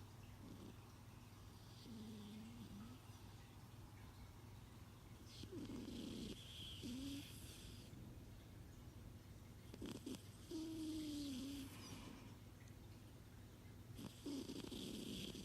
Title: Asleep and snoring!!